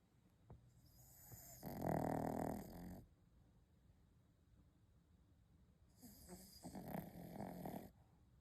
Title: Dog's loud snore